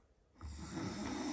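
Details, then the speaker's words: Man snoring while asleep at night after 11 pm, lights off; loud, low, rattling snore starts after a brief quiet moment and continues steadily; described as still mild, worsening later in the night; hard to wake. "他现在这个声音吧，还只是轻微的，等到下半夜，他这个呼噜声音啊，你根本不用想睡觉，简直是厉害的不得了。"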